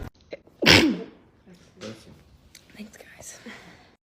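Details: A single loud, sudden sneeze into the elbow, followed by soft voices, "bless you" and quiet room sounds: an ordinary sneeze.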